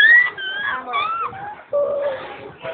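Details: Young child crying after a lifted chair hit his lip: high-pitched wailing with breaks and rising and falling pitch; crying in pain after a minor lip injury.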